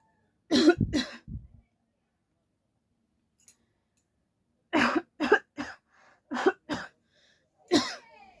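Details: Deliberate coughing challenge: a healthy adult gives about eight forceful, voluntary coughs in two short runs.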